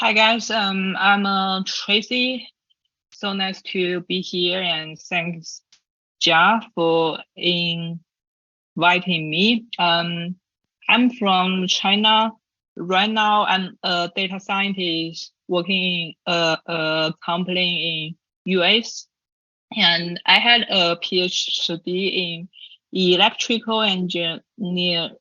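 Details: Chinese woman who stutters, co-host of a stuttering podcast, presenting at a stuttering conference; stuttering.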